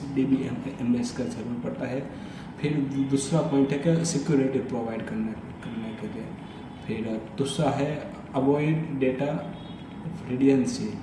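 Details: Adult Hindi-speaking man who stammers, doing storytelling practice on day 30 of daily fluency practice (breathing, tongue twisters, storytelling); stuttering.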